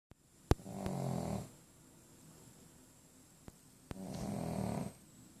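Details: Sleeping pug dog: two long, low rumbling snores on breathing in with a quiet pause between; snoring.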